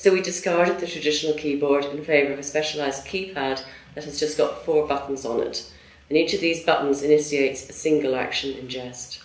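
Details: Adult female narrator; Normal speech.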